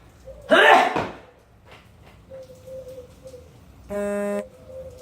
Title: Types of Sneezes (skit)